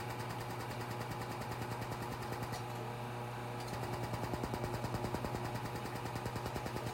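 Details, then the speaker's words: Rapid, steady pulsing about 200 a minute over a low hum, with a brief pause midway, as a Laser Genesis skin laser fires under the eyes of a goggled client to treat fine lines and heat the underlying tissue; laser pulsing. "so we're just gonna begin with this laser you can see the nice little light bringing out there and she's gonna heat up the skin in the below the the tissues"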